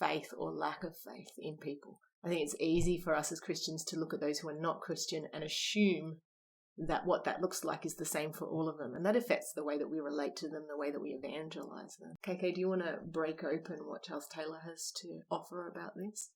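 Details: Adult woman speaking; Normal speech.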